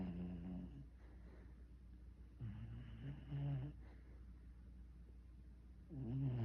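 Quiet, rattling snores at the start, middle and end of the recording, each followed by a softer breath, over low background hum: gentle snoring in a pet.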